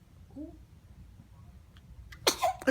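A faint coo, then a small quick intake and a sudden burst of air from a newborn, a sneeze, followed by a second brief burst.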